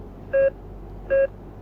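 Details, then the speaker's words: Short, clear electronic beeps repeat steadily from an ICU bedside monitor showing vital signs, including SpO2 and slightly high blood pressure; the beeping is described as routine and no cause for alarm. "अब इस आवाज से आपको घबराने की जरूरत नहीं है कि क्या हो रहा है अब आपको यह नार्मल लगेगा"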